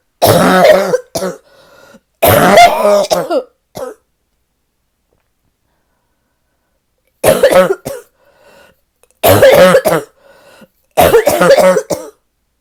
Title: #5 - this might be my deepest barking cough yet